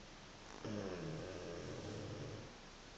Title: The snoring pug, Ricky